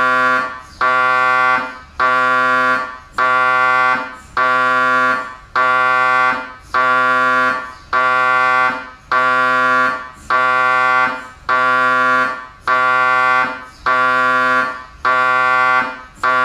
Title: mri sounds